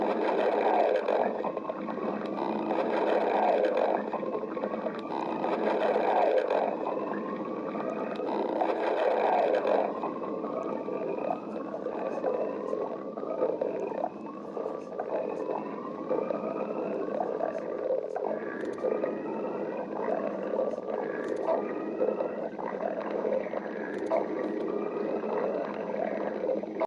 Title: Rasasy stomach growling